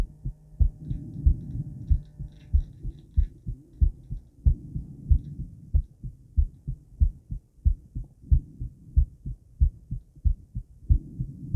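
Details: Female heartbeat: regular, steady low thumping heart sounds at about 94 beats a minute, faint room hum at start; ordinary heart sounds.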